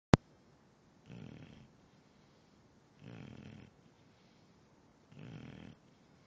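Soft, regular snores about every two seconds, roughly 28 breaths a minute, after a brief click: quiet rhythmic snoring.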